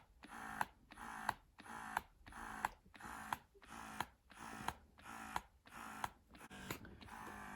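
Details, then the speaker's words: Steady rhythmic whirring pulses, about 88 a minute, each ending in a click, from a Bellababy wearable breast pump running in massage mode, demonstrated with a balloon to show suction, not on a person. "so i'm trying to put a balloon here to see so you can easily see the suction so this is the massage mode"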